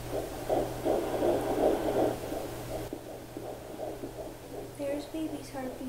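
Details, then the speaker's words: Home fetal doppler at week 11 of a first pregnancy with twins: rapid, even whooshing pulses, stated as 163 beats a minute, then a brief movement noise; fetal heartbeat, twin not identified. "163 beats a minute and two babies that I don't know which is which"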